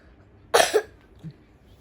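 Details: Child coughing after drinking cold milk or ice: one short double cough in a quiet room, followed by a faint sound.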